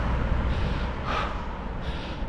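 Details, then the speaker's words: Quick, heavy breaths through strong wind or handling noise from an adult man with asthma, walking after a 1-mile run and struggling to breathe despite a recent inhaler: laboured breathing. "Decided to walk the last 150 metres just to try and help get my breath back, because I'm struggling with my breathing this morning, as you can probably hear."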